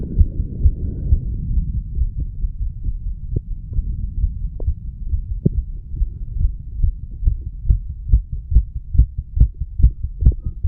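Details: 34-year-old male's heartbeat recorded at the mitral valve area after smoking a little nicotine and "green stuff". A fast, fairly regular rapid heartbeat of about 140 beats a minute over the lower left chest, with a noticed change in rate and sound.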